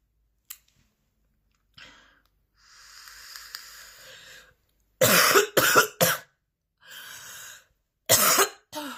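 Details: Several loud, forceful coughs in close bursts separated by long rasping breaths in, from a 10-minute recording of an extremely intense, persistent coughing fit with heavy breathing.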